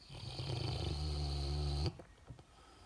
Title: Roncando